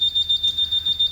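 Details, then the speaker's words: SLE2000 infant pressure-controlled ventilator demonstration: rapid repeating high-pitched electronic beeping, the high pressure alarm after pressure adjustment crossing the set alarm limit. "So every time you make adjustments to either of your pressures, always check to see that you have, and there's a high pressure alarm"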